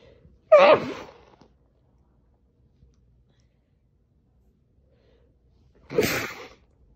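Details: Two loud sneezes muffled by pressing the face into a towel, several seconds of quiet between them.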